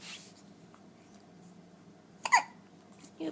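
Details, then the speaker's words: A child, called a baby, in a quiet room with one sharp, brief hiccup-like catch, followed by a soft noise near the end: hiccups. "the hiccups. Poor kid. Poor baby."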